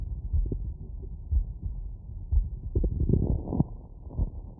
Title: Heartbeat auscultation stethoscope heart sounds lay down after workload